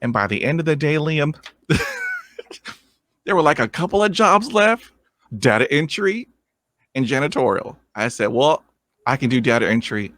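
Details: 23-year-old man with lifelong stuttering, first vividly remembered around age seven, struggled through school; has had speech therapy and an intensive fluency program; real adult stuttering.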